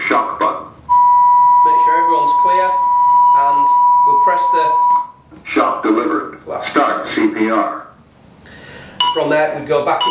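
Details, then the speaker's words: Simulated AED voice prompts over a steady alert tone from a ZOLL AED Plus Trainer 2 on an adult manikin: "don't touch patient, analyzing, shock advised, press flashing shock," then prompts to start chest compressions; training device, no real shock. "don't touch patient analyzing shock advised don't touch patient press flashing shock"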